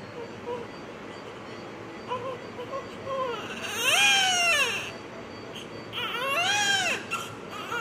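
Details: Newborn crying just after birth: two rising-and-falling wailing cries with softer whimpers before them, over steady background hiss; a normal newborn cry.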